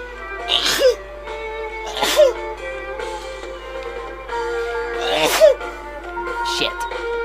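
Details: Three sharp sneeze bursts roughly a second apart from a Twitch stream clip, heard over steady background music; sneezing.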